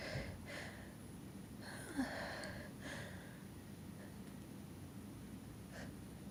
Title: Variety of sneezes, finger under nose